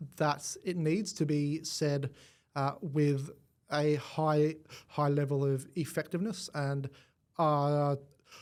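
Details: Adult male with stuttering as a symptom of cerebral palsy, present from birth and affecting his left side; stutter onset around age five, gone for about a year, then returned worse; treated with the McGuire Programme.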